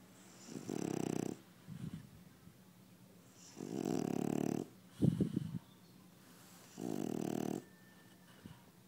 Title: French bulldogs snore!!